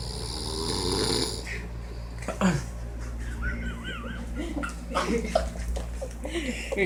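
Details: A loud, rattling snore from a man, fading into background chatter and other room sounds; snoring.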